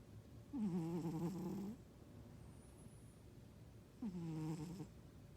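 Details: A sleeping cat gives two long, low, fluttering snoring rumbles about three and a half seconds apart, with quiet between them. The sound was at first mistaken for a husband snoring.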